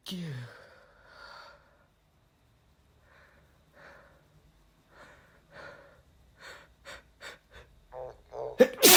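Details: A quickening series of gasping in-breaths building up to one loud, forceful sneeze from a male who felt under the weather and induced the sneezing with chhinikkni; sneezing with pre-sneeze gasps.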